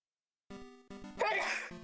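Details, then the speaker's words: A single loud, explosive adult sneeze, made while turned away from the mic, over steady background music: an ordinary sneeze. ">> Big sneeze. >> That was insane."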